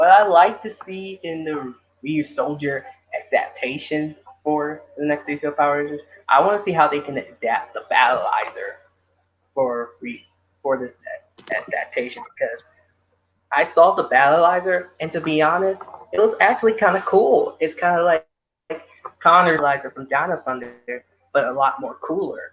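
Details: Adult speaker; ordinary speech.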